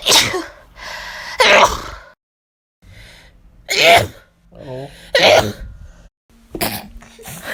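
Several loud, explosive sneezes in a row, each a sharp burst of air with a brief intake before it; ordinary sneezing.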